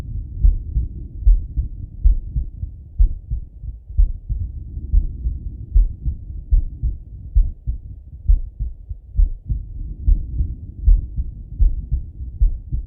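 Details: Adult male lying on his left side, heart auscultated with a stethoscope: steady low thumping heartbeat at about 74 beats a minute with a soft background hum; normal heart sounds.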